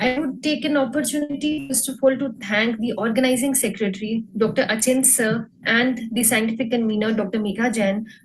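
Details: Adult woman; ordinary speech.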